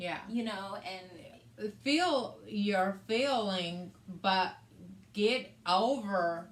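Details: Adult woman with aphasia, which also affects her reading and writing, after a hemorrhagic stroke in May 2020 that required brain surgery and left right-sided hemiparesis; aphasia.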